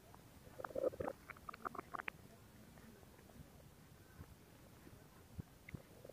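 Quiet gurgles and bubbling pops, busiest early and then sparse, over a faint hiss: ordinary stomach growling.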